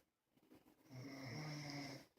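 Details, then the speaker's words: A pet dog snoring while asleep in the background: soft breathing noises, then a single drawn-out, low, rattling snore. "and you know I knew in the background he's a bear snoring"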